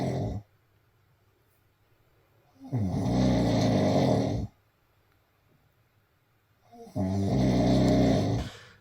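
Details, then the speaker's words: Self-recorded overnight audio of a sleeping person diagnosed with obstructive sleep apnoea. Loud, rough, rattling snores come in long bursts about 15 a minute as breathing grows laboured and obstructed, then gasping for air: snoring with obstructive sleep apnoea. "obviously as you're listening now um you'll hear gradually um my breathing becoming more and more labored as my pipes are restricting as I'm sleeping and then you'll start to hear me Chase effectively breath"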